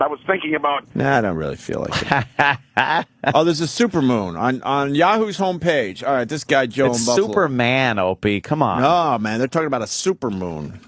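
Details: Adult male speaker, radio talk; normal speech.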